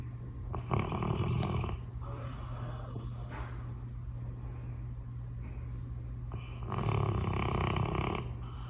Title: Loud Snoring Dog